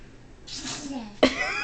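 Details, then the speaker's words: A child, addressed as "baby" and urged to "do it again" (title puts "sneezing" in quotes), makes a rising, breathy intake followed by one sharp, explosive sneeze. "God bless you. God bless you. He's sneezing. Do it again."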